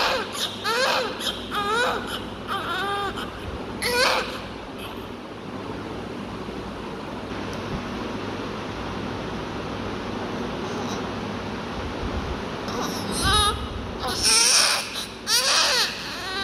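Bursts of high-pitched newborn crying at the start and end with a quieter gap between, over steady room hum; an ordinary newborn cry.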